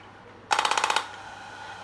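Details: Radial shockwave therapy handpiece firing on a patient with back pain, over coupling medium on cleaned skin, at stated settings of 5–10 Hz, 60 mJ and 1,500–2,000 shots: a half-second burst of about ten sharp, rapid clicking pulses.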